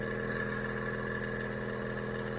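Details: PARI JuniorBOY SX compressor nebulizer running during treatment of a severe cough, giving a steady mechanical hum with a constant buzzing tone.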